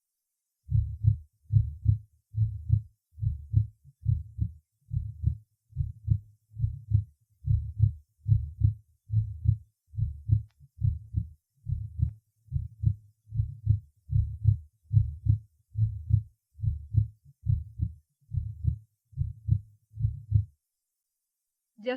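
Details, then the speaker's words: Apex in patient with subvalvular mitral regurgitation: regular heartbeat near 71/min with short, soft functional systolic murmur. "прослушайте короткий и мягкий функциональный систолический шум на верхушке у пациента с под клапанной митральной недостаточности"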